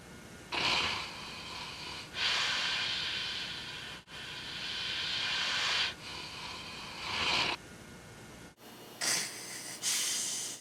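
Loud, hissing breath noises repeat every couple of seconds, with a raspy, snorting quality: heavy snoring.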